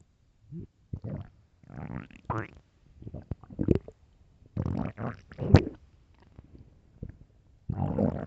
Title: Very hungry stomach growls and groans